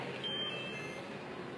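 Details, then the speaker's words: Electric syringe pump, with the stop button pressed after the medication finishes: a faint, high electronic beep over steady room hiss. "Sau khi hết thuốc, ấn nút stop để dừng máy,"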